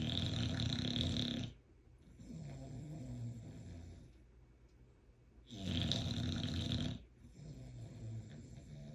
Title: Barkley is snoring like he worked a 12 hour shift, and he’s got his eyes open! CRAZY WORK #bulldog